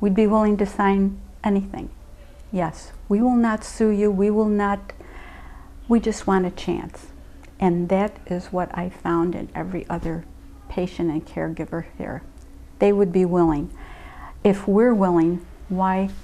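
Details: Adult woman; normal speech.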